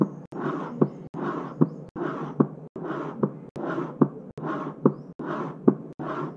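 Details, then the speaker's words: Imitated heart sounds made on a cardboard box, about 72 a minute, each beat followed by a soft, fading, high-pitched blowing decrescendo sound beginning with S2; early diastolic murmur of aortic regurgitation. "early diastolic murmur in aortic regurgitation begins with a - it's a decrescendo murmur and a high-pitched murmur"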